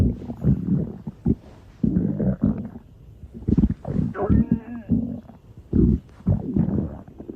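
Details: College girl's stomach growling (edited clip): deep rumbling and gurgling bursts, some with a squeaky rising tone, from gas and fluid moving through the gut (borborygmi).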